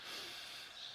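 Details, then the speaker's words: Adult patient, stethoscope on the upper chest just above the nipple during EMT medical assessment demonstration: brief soft rush of air on a deep breath in, a clean normal breath sound. "ask the patient to take a deep breath. And you should hear a clean breath sound go in."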